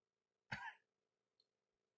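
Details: One short, harsh throat-clearing cough from an adult playing a father in a comedy skit, in a quiet room.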